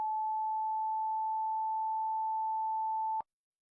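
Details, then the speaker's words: Amoul i5 AED defibrillator, after pressing the flashing orange shock button: steady mid-pitched charging tone for about three seconds, ending in a sharp click as the shock is delivered. "Paina vilkkuvaa oranssia iskupainiketta. Kuulet latausäänen, jonka jälkeen laite antaa iskun."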